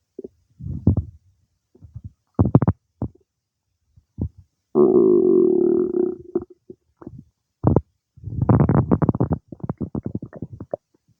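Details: Stomach noises, some time after eating cake, from the gut actively digesting it: ordinary bowel sounds (borborygmi).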